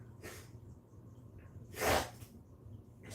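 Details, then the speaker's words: A single short, sharp nasal sneeze against quiet room noise, from a man during a live stream who says he believes he has an upper respiratory infection. "me, I got a little bit of an upper respiratory infection, I believe."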